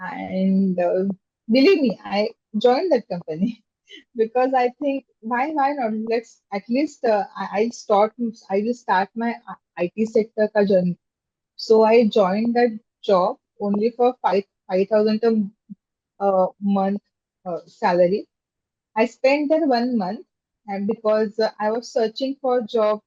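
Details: Adult woman with stammering since childhood, speaking in a podcast interview. Stammering (stuttering).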